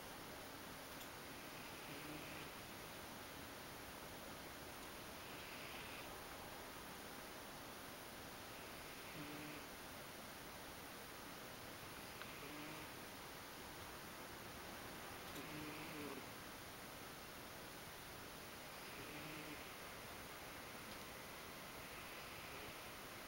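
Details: Soft, regular snoring from a sleeping Ragdoll cat, about 18 breaths a minute, over steady room hiss.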